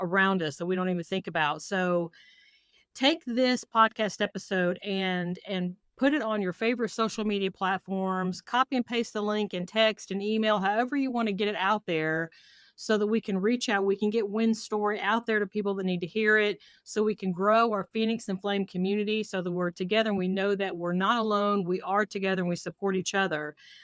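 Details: Adult woman speaking; Typical speech.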